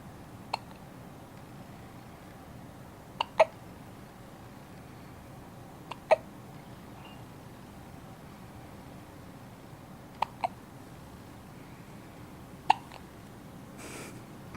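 Brief sharp clicks at irregular intervals, about 20 a minute, over a quiet hiss. Fits hiccups.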